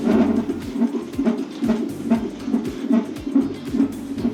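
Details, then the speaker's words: Fetal heart sounds of a male fetus at 36 weeks of pregnancy, recorded during a non-stress test (NST) with the mother lying down; the rate is about 132-134 beats per minute, a normal fetal heart rate. "신박수가 몇이에요? >> 지금 134 132 정도 됩니다."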